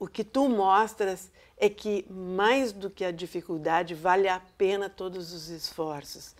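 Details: Adult woman speaking Portuguese; normal speech.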